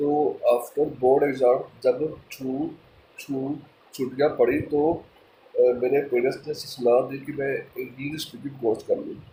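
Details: Adult male speaker; stammering.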